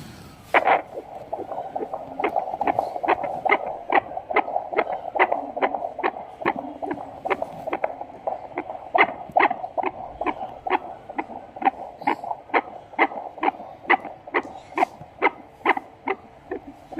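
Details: Rapid, regular fetal heartbeat at about 140 per minute over a steady hum; fetal heartbeat.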